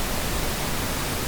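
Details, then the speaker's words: Pink noise tinnitus masker from a hearing aid: a steady, deep rushing hiss, then a brief voice starts. "तब हमारे पास उनका सफेद शोर होता है। (स्थिर धुंधला) और अंत में, गुलाबी शोर।"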